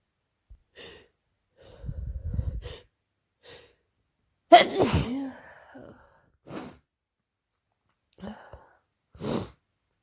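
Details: Person with a cold and sore throat that began the night before, after a stressful week working at summer camp: sharp in-breath then loud sneeze among quieter sniffs in a quiet room; sneezing.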